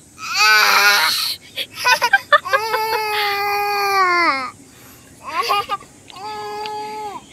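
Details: Infant crying in fright, reportedly scared on seeing soil: high-pitched wailing cries with broken, sobbing catches between them, in a small room.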